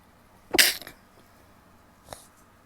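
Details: Woman's sneeze: one sharp, explosive burst of air and voice, then a faint short puff a second and a half later.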